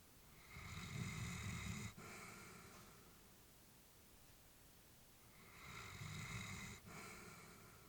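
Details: Elderly female Labrador, about whom the family was worried, sleeping peacefully: slow, regular rough snoring on each breath, about two breaths heard. Snoring.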